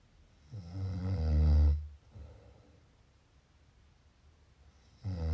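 A loud, rattling snore on the in-breath, then a quiet breath out, with the next snore starting at the end; ordinary snoring during sleep.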